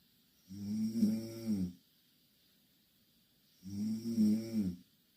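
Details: Two Korean girls snoring in the same bed: two loud, buzzing, voiced snores about three seconds apart, roughly 19 a minute, with quiet hiss between; snoring.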